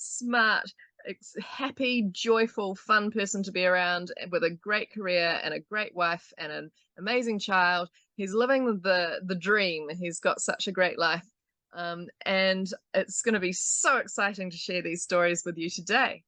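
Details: Adult speaker; normal speech.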